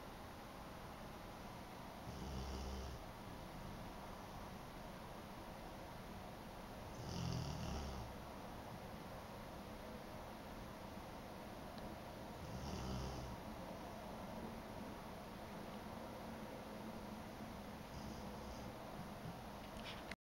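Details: Soft, low rumbling snores about every five seconds, roughly 12 breaths a minute, over steady room noise; ordinary snoring.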